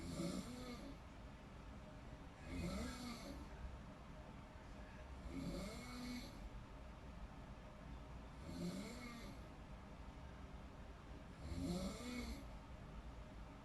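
Rhythmic rattling snores with each breath, about 20 a minute, over low room noise.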